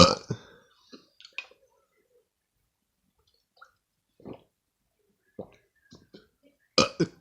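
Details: While drinking milk: two loud burps, one at the start and one at the end, with quiet swallowing and gulping sounds between; burping.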